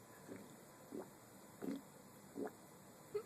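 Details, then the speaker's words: Stomach rumbling (borborygmi): five short gurgling, squelchy rumbles at fairly even intervals over a quiet background; the stomach is making weird noises, and the speaker suggests a bathroom trip. "what are we doing I don't really know tell me you don't know what your stomach's doing it's making weird noises uhhuh"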